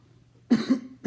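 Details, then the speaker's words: Single short, fairly deep cough from an adult in a quiet room, with the start of another at the end; he reports bad lungs, recently finished two weeks of antibiotics and is now healing. "I just got I just got over a cold. Excuse me. Um, not a cold, but I got bad lungs, so it's like I was taking I was taking antibiotics for a while for two weeks"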